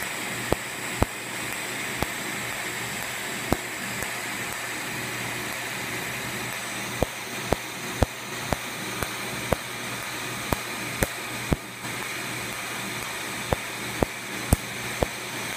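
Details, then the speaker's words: Sharp snapping clicks at about two a second over steady fan hum, with the operator's speech, as a laser fires pulses during a clinic tattoo removal demonstration, producing frosting on the skin; laser tattoo removal pulses. "all right here we go we're going to remove this tattoo going to start here with the two ready here we go"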